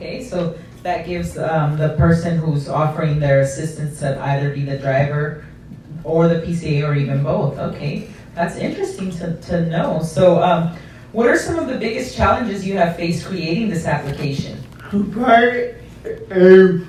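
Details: Adult speaker (interviewer); no speech disorder.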